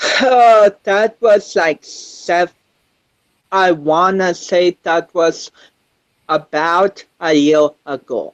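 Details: 25-year-old man with cerebral palsy since birth, which he says affects his balance, coordination and speech; doctors had told him he would never walk; real speech; dysarthria associated with cerebral palsy.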